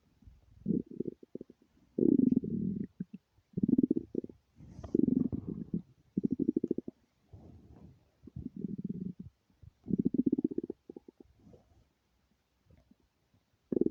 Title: stomach rumbling